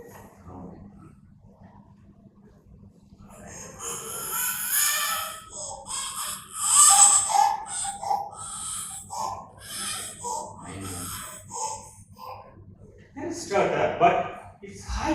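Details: Child's rapid, noisy, high-pitched breaths with crying-like strain; high-pitched stridor, with scopy showing supraglottic and pharyngeal collapse (laryngomalacia or pharyngomalacia).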